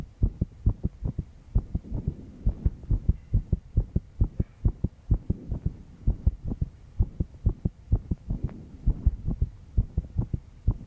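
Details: Steady, quick heart thumps in paired beats with a faint background hum, a stressed heartbeat of a 22-year-old woman after pulling an all-nighter.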